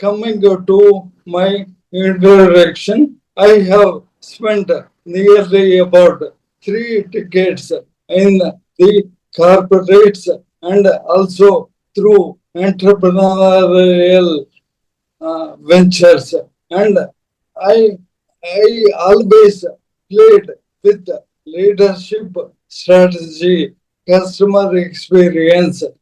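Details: Adult man, a corporate strategist of 30+ years, ill since 2022: Parkinson's, diagnosed late, then ALS (motor neuron disease) diagnosed last year; mobility and speech very severely affected; dysarthria (ALS / motor neuron disease).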